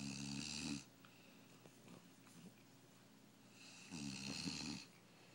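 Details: Two rough, vibrating snores with a quiet pause between them, over faint room noise; ordinary snoring during sleep, from a snoring contest.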